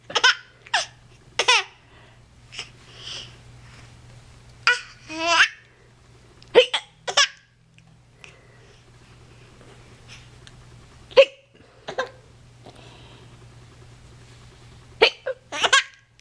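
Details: Baby girl hiccupping and finding it funny: several sharp, abrupt hiccups with giggling and babbling in between, over a low room hum.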